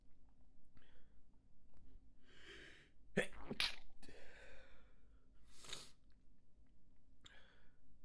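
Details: Sneezing fit induced by manual nasal tickling: quick sniffing breaths give way to several sneezes in a row, some stifled and some full, with hissing breaths in between.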